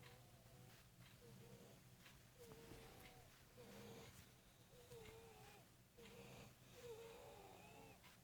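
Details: A husband's snoring during sleep, recently changed, with a low rattle and high, whiny wail-like tones on each breath that sound like several people or species wailing; snoring.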